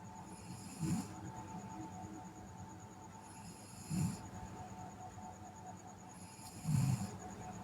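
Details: A sleeping girl snores lightly with soft, rough snores about every three seconds, roughly 20 breaths a minute, over a steady background hum.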